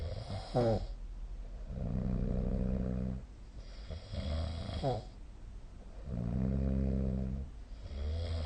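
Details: Snoring during sleep, recorded overnight with the SnoreLab snoring app.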